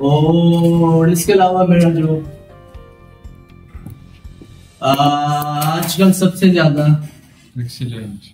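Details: Person who stammers speaking while using the prolongation technique; stuttering with prolongation technique.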